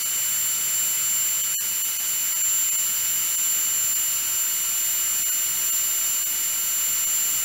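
Steady high-pitched whine of a dental drill running continuously.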